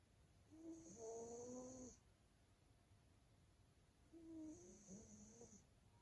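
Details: Two soft, rough sleeping breaths a few seconds apart, each with a faint whistle, over quiet room noise: a male Maine Coon cat snoring in deep sleep.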